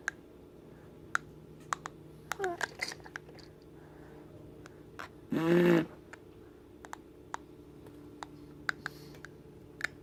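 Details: Infant grinding teeth amid raspberries, hiccups and babbling: scattered sharp clicking and scraping tooth sounds with one brief voiced squeal, teeth grinding (bruxism).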